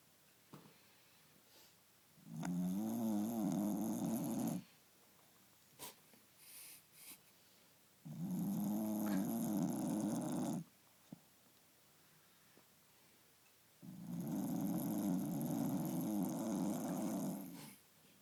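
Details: A sleeping pet snores in long, rumbling breaths, about ten per minute, with quiet pauses between them.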